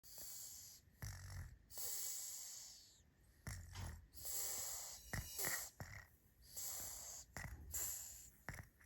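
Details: A sleeping baby snoring, with noisy rhythmic breathing, a hissing breath and a low rattling snort each cycle, about 24 a minute.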